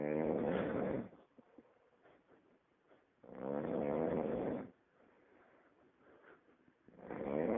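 Loud rattling snores about a second long, separated by quiet breathing, about three in seven seconds.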